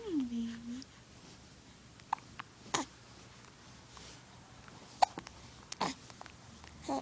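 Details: Infant hiccups in the early morning: several brief, sharp, quiet catches with a soft coo at the start.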